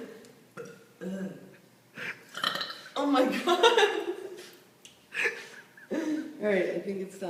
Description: Can't... stop... burping...